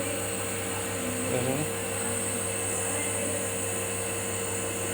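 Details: Nebulizer compressor running during an inhalation treatment at a clinic for breathlessness caused by coughing: steady mechanical whirring hum with faint voices in the room.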